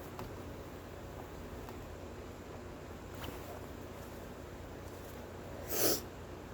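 Steady room hiss, then a single short, muffled burst near the end, fitting a sneeze into a tissue.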